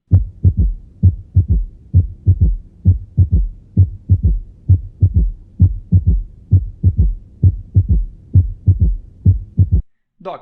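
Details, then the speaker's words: Third heart sound (S3) gallop, S1–S2–S3 ("tum tum ta"), occurring in diastole during ventricular filling. "doc percebeu que você tem o b1 o b2 o s Faz Tum Tum t e é justamente esse né O trubilhano que ocorre na diasto que é no enchimento ventricular certo"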